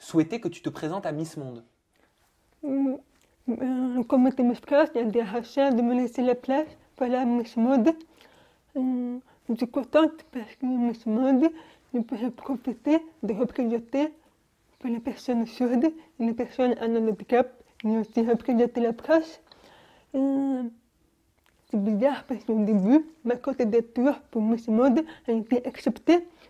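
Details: Young adult woman born profoundly deaf, speaking French orally without an interpreter, now using new hearing aids; deaf speech.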